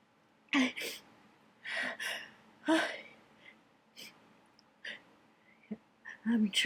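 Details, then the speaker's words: Several sneezes in quick succession with sharp in-breaths, some partly held back. This messy sneezing fit was brought on by dust in an attic. "basically whatever whatever's up here he's driving my nose C oh dear this is this is getting really messy really faster"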